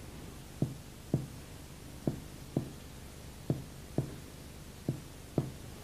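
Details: Tympanic percussion note.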